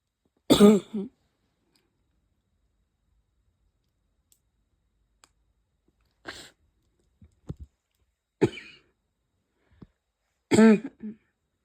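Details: Harsh, voiced, honking barking coughs, about four spaced several seconds apart, with small throat noises between, and some sneezes; a cough left over after a cold, with the person's chest hurting badly.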